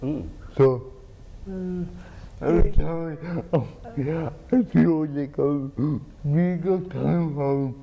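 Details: Adult man with cerebral palsy and dysarthria, who has a pump that injects medicine into his spine to reduce spasticity; dysarthria (cerebral palsy).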